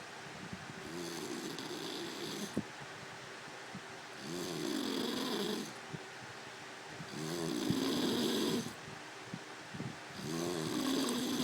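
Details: Sleeper snoring: steady rumbling snores with each breath, roughly 19 a minute, each lasting over a second; snoring.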